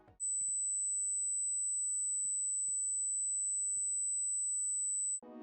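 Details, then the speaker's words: A steady, very high-pitched pure tone holds for about five seconds with faint clicks underneath, presented as an 8 kHz hearing test tone that should be easy to hear. "8000x seharusnya sangat mudah untuk kamu dengar dan jika kamu tidak dapat mendengarnya maka kamu pasti memiliki masalah pendengaran siap kita mulai"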